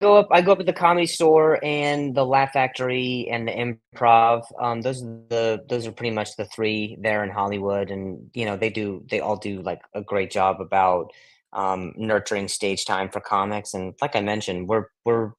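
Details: Adult male comedian with acquired stuttering since age 20, after a softball hit him in the throat (vocal contusion and traumatic brain injury); blips, stutters and blocks.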